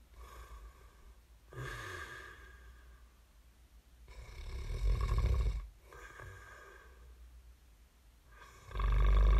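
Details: Sleeping man snoring: loud, low, rattling snores with snorting breaths at about 15 a minute, from an ASMR snoring recording.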